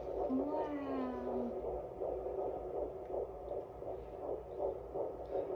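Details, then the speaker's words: Fetal heartbeat on external Doppler at about 14 weeks of pregnancy, rate about 150 per minute: rapid, regular whooshing pulses. "There it is. Whoa. That's a heartbeat? Yeah. Whoa."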